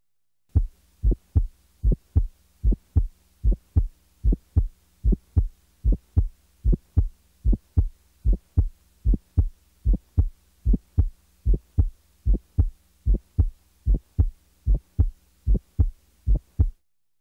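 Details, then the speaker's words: Ejection sound: a sharp click just after the first heart sound, steady heartbeat about 75 per minute. "both aortic and Pulmonary ejection sounds are heard best with the diaphragm firmly pressed listen now to any ejection sound"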